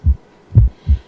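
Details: Student skills demonstration on a male volunteer: stethoscope at the mitral area (apex), clear low thumps of normal heart sounds with no murmur between beats.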